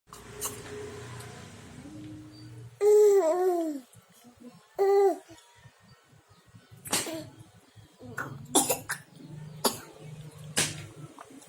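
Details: Child's short coughing bursts with voiced, choking-like sounds between quieter noises, after drinking water; cough after drinking.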